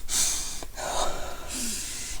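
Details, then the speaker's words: Rapid, heavy, noisy breaths with a sharp gasping intake and no musical whistle, from an asthmatic about 15 minutes after using a new inhaler; heavy breathing after exertion, without wheeze. "no I'm not wheezing. Um I am obviously still out of breath."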